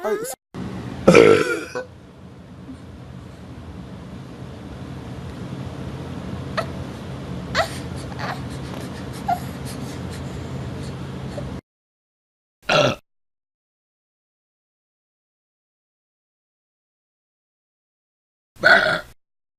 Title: Funny Babies Scared of Burps Compilation 2015